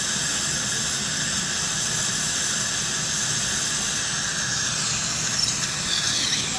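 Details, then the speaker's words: Piezo-ultrasonic scaler tip during dental cleaning of the lower anterior buccal region, with the high-volume evacuator used for retraction and suction: steady high-pitched squeal and hiss with strong suction noise. "When I switch to different regions in the mouth, I'll retract and turn my HVE tip as needed. You can see just how the HVE is just suctioning all of the aerosol and water coming off of my tip."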